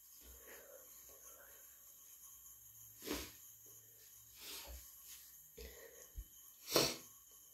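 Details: Sneezes from cat allergy, induced or natural: soft breathy sounds in a quiet room, then a few sharp, explosive sneeze bursts, the last one loudest.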